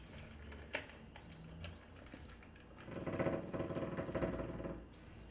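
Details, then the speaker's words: CPAP machine worn with a mask at night for sleep apnea: low mechanical hum, then about two seconds of loud buzzing rattle, which the user says it does not usually make; CPAP machine running. "pretty much what it does is it pressurizes air into the tube so if it senses then I've stopped breathing the air pressure increases and forces air down my throat so I breathe"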